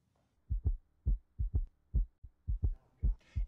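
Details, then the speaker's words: Heartbeat in an atrial fibrillation educational piece: dull paired low thumps about 68 a minute with slightly uneven spacing; AFib described as a rapid or irregular heartbeat, quivering of the atria. "aib is a rapid or irregular heartbeat you might think of it as a quivering of the upper chambers of the heart"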